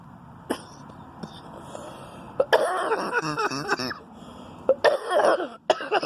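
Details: Adult woman who smokes, recording a smoking vlog: a few small throat clicks, then a long, harsh, voiced coughing fit and another shorter burst of coughing.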